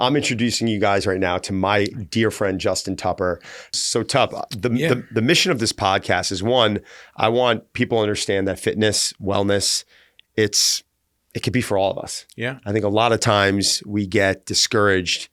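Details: Stuttering in an adult man who says he stutters and has learned to embrace it.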